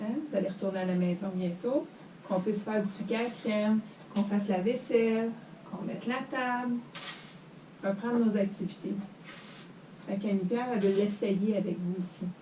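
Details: Adult speaker, French; ordinary speech.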